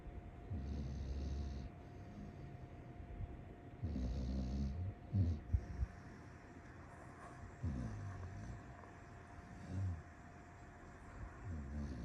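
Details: Low, rumbling snores every three to four seconds, with a few snorts, from Astrid, a sleeping rescue foster dog, recorded February 2023.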